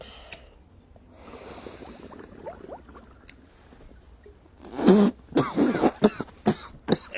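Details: Acted coughing fit in a comedy sketch after a woman's friend smokes cannabis: quiet rustling and a soft inhale, then a burst of about six harsh, rapid coughs.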